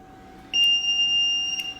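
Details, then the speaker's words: A steady high electronic tone starts abruptly and holds, with a brief chirp near the end: an LTV 1200 ventilator beeping as it powers on from standby during emergency department setup. "however the LTV does have an internal compressor and can generate rather high flows next to turned the ventilator on it's your on standby button"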